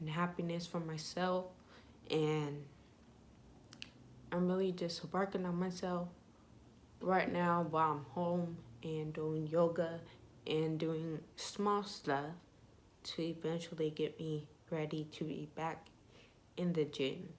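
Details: Young woman with ataxia (she says type 46), symptoms beginning in her high school junior/senior years, with leg shaking, poor balance and twitching; she reports her voice trembles whenever she talks; voice tremor (ataxic speech).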